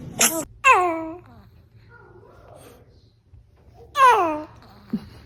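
Short, high-pitched squeaky bursts from a newborn, fitting small sneezes, with a quiet room between them. Infant sneezing.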